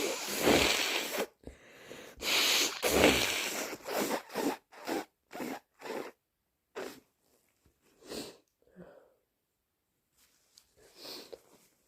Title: Absolutely loaded with the cold! Sneezing and blowing all day (Compilation)